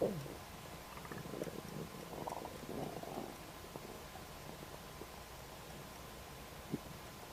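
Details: Stomach noises just after eating a snack of ribs: soft, low gurgling and rumbling over a steady room hiss, fading after a few seconds; normal borborygmi after a meal.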